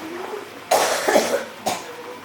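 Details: Two harsh, forceful coughs in quick succession, part of a recurring cough that won't stop: persistent cough.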